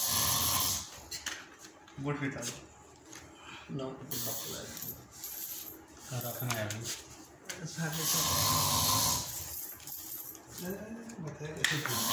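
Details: A friend snores heavily at night: loud, irregular, rough snores with gurgling and snorting noises over hiss and some room noise; snoring likened to a tiger.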